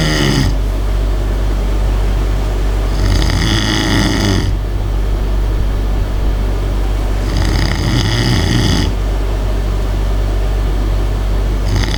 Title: don't disturb and listen to my snore